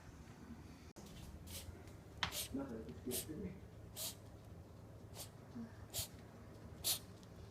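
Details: Two cats with a cough lasting three weeks until cured: about seven short, sharp, hissing bursts resembling sneezes but a cat's cough.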